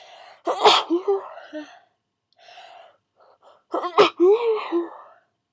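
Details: Two sharp, partly held-back sneezes with quick gasping intakes between them, from a sneezer who starts out stifling and then sneezes full out. Stifled sneeze.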